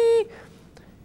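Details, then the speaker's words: A doctor vocally imitates high-pitched tinnitus, a ringing that may be continuous or come and go, after describing the low-pitched form. "the sound can be continuous in nature all the time it can come and go it can be low pitched like or high pitched like"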